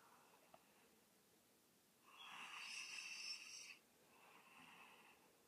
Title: Snoring cx